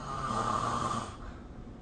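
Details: Snoring during sleep recorded with the SnoreLab app: a single rough, buzzing breath sound lasting about a second, then quieter breathing.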